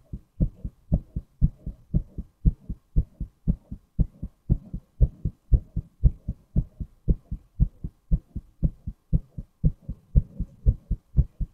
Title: Male Heartbeat